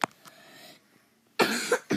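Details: A faint short cough, then a louder burst of two to three coughs after a pause, from a sick young gamer coughing while playing; cough during illness.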